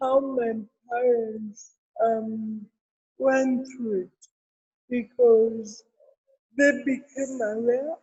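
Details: Adult woman with cerebral palsy present since birth, speaking in an interview; dysarthria (cerebral palsy).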